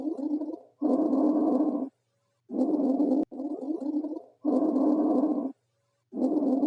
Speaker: bronchial bread sounds are heard over the m manubrium just above the clavicles these sounds are loud and high in Pitch with a short pause between inspiration and expiration expiratory sounds loss longer than inspiratory sounds